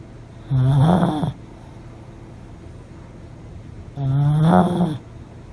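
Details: Pomeranian dog snoring so loudly it sometimes wakes itself: two loud, rattling, low-pitched inspiratory snores about three seconds apart.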